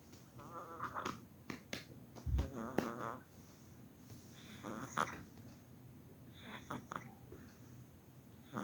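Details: Young infant with noisy, squeaky breathing: inspiratory stridor from laryngomalacia, described as usually resolving on its own with time.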